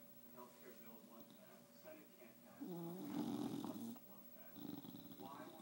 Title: Snoring Starbuck